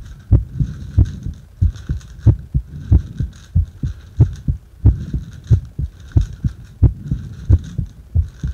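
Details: Heart sounds recorded while breathing into a bag: steady paired thumps at about 90 beats a minute with faint breathing noise behind; an ordinary heartbeat.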